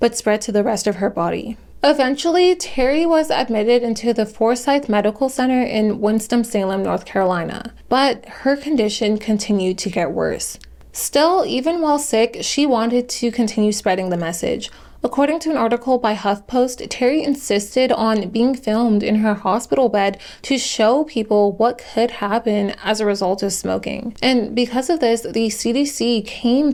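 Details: Adult woman narrating; normal speech.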